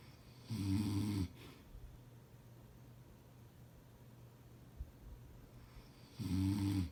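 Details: Husband snoring: two low, rumbling snores on breathing in, about five seconds apart, with quiet breathing between; snoring.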